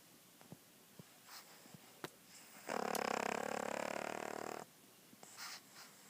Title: Lucy Snoring